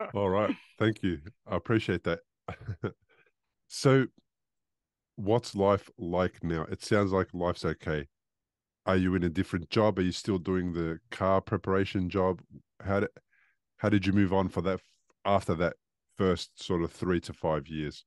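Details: Adult male speaker; normal speech.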